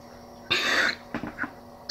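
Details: Habit cough in a young girl during suggestion-therapy treatment (Weinberger procedure): one harsh throat-clearing cough burst, then a couple of small clearing sounds; a dry, honking-type habit cough.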